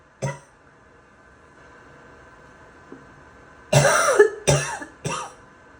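An adult gives four coughs, harsh and rough, with a wet, loose quality to the later bursts.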